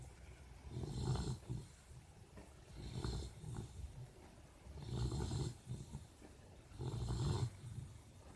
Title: Chanel snoring